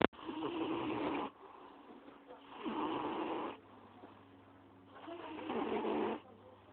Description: my uncles cat snorin loudly